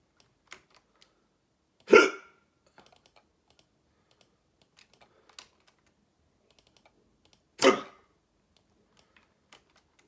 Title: Hiccups wont stop